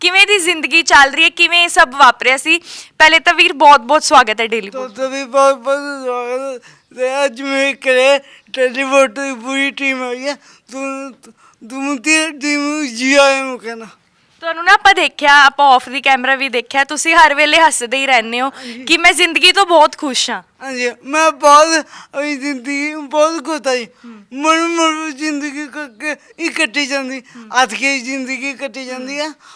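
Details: Young Sikh man with a disabled hand and a speech problem present since birth; stammering.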